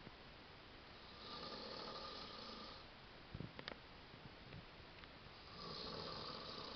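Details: Two long, harsh, rattling snores on breathing in from an adult man recorded in the dark, with a few soft snorts between over steady hiss: heavy snoring.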